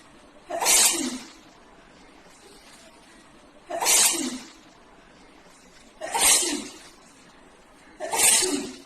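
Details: Turkish woman after 18 days of nonstop sneezing, seeking medical answers: four sneezes about two seconds apart in a steady repeating run of uncontrollable sneezing.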